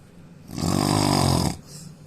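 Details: Man snoring loudly: one loud, rough, rattling snore lasting about a second on the in-breath, with quiet breathing around it; ordinary heavy snoring.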